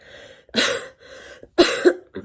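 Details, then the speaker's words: Cough during COVID-19: two short, harsh, dry coughs with breathy noise between them. It is described as feeling like it is in the bronchi or lungs, strange and not coming up, and is being treated with mucaltin. "кстати вот тут вот как будто бы это в бронхах они в легких как будто бы кашель"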